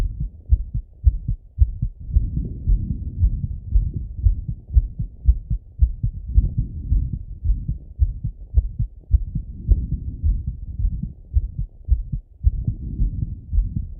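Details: Male, own heart auscultated with a stethoscope after a workout set: fast, regular, low thumping heartbeat at about 110 per minute; normal heart sounds with a raised rate after exercise.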